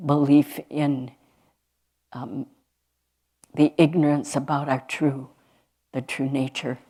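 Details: Adult speaker; normal speech.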